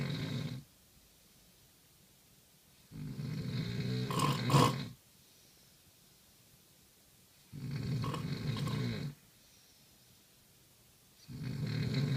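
Loud, rough snores on inhaling, about three in twelve seconds, with quiet gaps between; heavy snoring.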